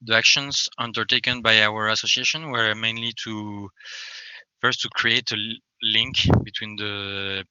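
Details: Stuttering in an adult French man who describes himself as a person who stammers, speaking English.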